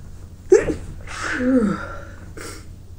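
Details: Person with a tickling nose letting out repeated powerful sneezes, with a sore throat, watering eyes and runny nose: a sharp voiced sneeze with a drawn-out vocal tail, then a brief breathy follow-up; sneezing.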